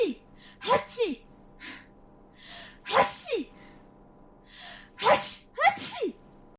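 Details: About six short, sharp, high-pitched sneezes in quick pairs separated by quiet; repeated sneezing.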